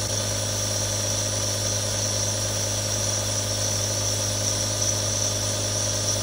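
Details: Real recording of three different nebulizers for relaxation ASMR: a steady low motor hum with continuous airy hiss, a nebulizer compressor running without change.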